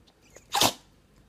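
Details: Female Chihuahua puppy sneezing: a single short, sharp sneeze burst with quiet room noise around it; sneeze.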